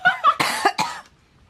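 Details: Adult coughing fit: a rapid run of harsh coughs with voiced, strained sounds between them, possibly joking.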